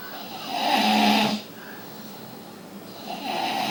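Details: Loud, rough, rattling snore on breathing in, then a quiet breath out and the next snore starting; heavy snoring.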